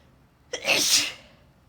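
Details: Woman deliberately teasing out sneezes: a brief intake of breath followed by one loud, hissing explosive burst; a single sneeze.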